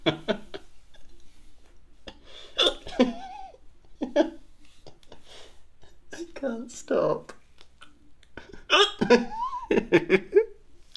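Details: Hiccups while trying to record ASMR: sudden, sharp voiced gulps at irregular intervals in close-miked quiet, some with a brief squeaky catch.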